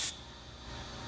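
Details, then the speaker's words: Brief burst of dental air syringe hiss, then quiet room noise, drying a posterior tooth after pumice cleaning, just before applying etch for a dental sealant. "from that it is nice a little bit air make sure it's all nice and dry"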